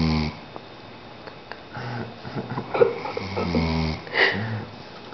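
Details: Adult who fell asleep on the floor at 4:30 am during a youth leader retreat, snoring loudly with buzzing, rough, vibrating snores and room noise between breaths.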